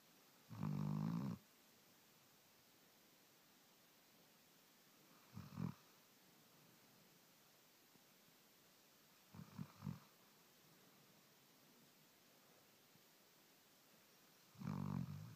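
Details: A sleeping dog snoring: slow, irregular snores, about four snorts in fifteen seconds, some short and fluttering, in a quiet room.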